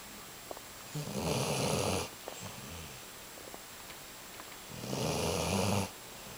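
Two long, rattling snores on inhalation with quieter breathing between them, over steady room hum; ordinary dog snoring.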